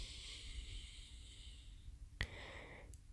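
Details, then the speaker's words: Adult man breathing through a left nostril partly blocked by mucus, with phlegm in his voice: hissing nasal breaths, a sharp snort and a faint whistle. "you hear the booger broken me left nostril so this is the sound of phlegm"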